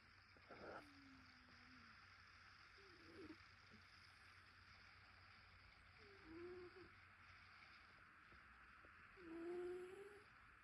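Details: Cat snoring while asleep; snoring.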